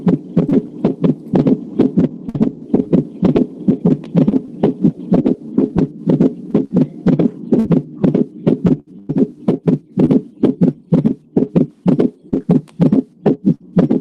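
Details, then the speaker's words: Rapid heart sounds in groups of three, an extra low sound added to each beat within the same cardiac cycle, giving a galloping cadence, typically presenting with tachycardia; gallop rhythm, from a student talk on heart murmurs. "cuando sean todos los ruidos cardíacos pues tanto los normales como los agregados dentro del mismo ciclo cardíaco pero separados entonces esto se conoce como galope normalmente presea en taquicardias"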